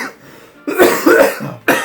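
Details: Adult's comedic acted coughing fit: two harsh, rough coughs in quick succession, not a real illness.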